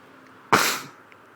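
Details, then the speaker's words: Person sneezing outdoors, attributing it to allergies from being outside, nose itchy and stuffed up; one loud, explosive sneeze that trails off. "oh I always just get so Sneezy when I'm Outdoors oh here comes another one oh it just makes my nose so itchy"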